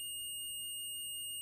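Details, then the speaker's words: Omnipod DASH insulin pump hazard alarm from the pod and/or PDM: a continuous high-pitched steady tone signalling a serious issue such as empty reservoir, pod expired, occlusion, auto-off, PDM error or pod error. "this tone can come from the pod the pdm or both hazard alarms include empty reservoir pod expired occlusion auto off pdm error and pod error"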